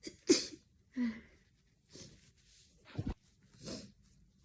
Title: ahCHOO! A small sneeze compilation of a sneezy cold 🤧